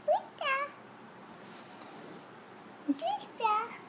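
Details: Early vocalizations of a 1-year-old boy with cochlear implants, produced after his mother's prompt.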